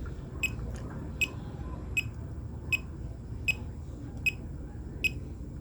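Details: Steady electronic beeps at about 78 a minute over room hum from a fingertip pulse oximeter sounding each heartbeat (readings 77–79 bpm), used alongside a smartwatch heart-rate check; normal rate.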